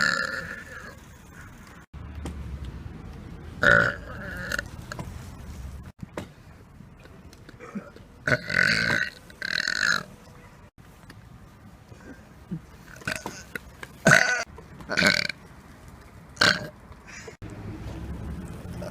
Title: Burping In Public Prank 2 (GONE RIGHT)